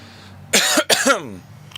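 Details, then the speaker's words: Two deliberate forceful coughs from an adult during a live stream, checking whether the boosted audio clips; ordinary voluntary cough. "did the audio clip there at all when i coughed because on a recent setup i boosted the audio"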